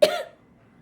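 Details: Patient with cystic fibrosis in hospital who has been coughing up blood and could not finish chest physiotherapy; a single short, harsh cough burst in a quiet room.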